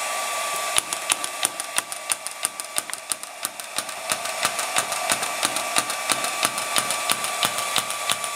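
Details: Radial shockwave therapy handpiece (SW14 three-in-one machine) applied with cooling gel around the ankle: rapid, regular sharp clicking pulses, about three per second, over a steady hum.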